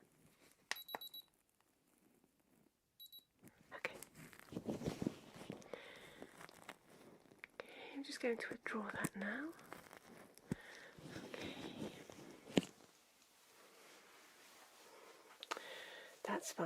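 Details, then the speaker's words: Simulated ASMR exam: ear thermometer placed gently in the ear gives a couple of beeps; temperature normal in a patient with one-sided face pain. "okay right then so let me just pop this into your ear okay lovely okay right just going to pop that in there very gently okay and just couple of peeps"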